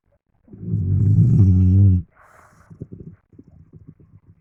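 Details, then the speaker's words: Dog in deep sleep snoring, owner suspects a nightmare; one long, deep, rumbling snore followed by softer, irregular snuffling breaths. "en este momento me encuentro grabando a firulais a manchas conocido como manches también se encuentra es muy profundamente dormido pero lo más chistoso es que está roncando"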